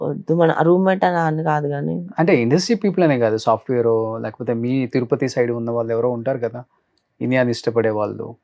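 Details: Adult speaker, interview; Normal conversational speech.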